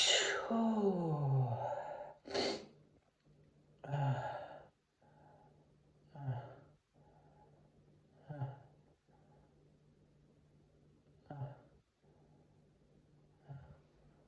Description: Some sneezes: Stifles, half stifles, not stifled.